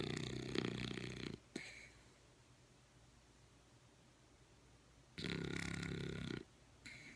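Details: Two loud, rough, buzzing snores during sleep, separated by a quiet pause of several seconds; snoring.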